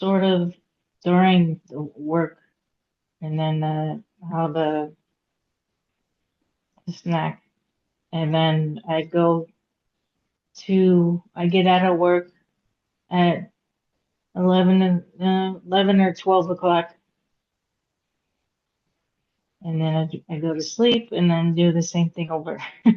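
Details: Aphasia in a woman after a hemorrhagic stroke at age 36 in September 2018; she could not talk for 2 years and had 2 years of speech therapy. She still has trouble getting her point across, reading and writing.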